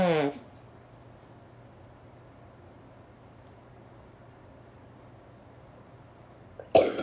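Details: Sick adult with a cough and nose blowing during a coughing fit: two short, harsh cough bursts separated by several seconds of quiet room noise.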